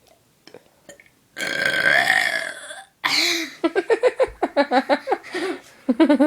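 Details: Two long, loud, deliberate burps followed by quick bursts of giggling; voluntary belching.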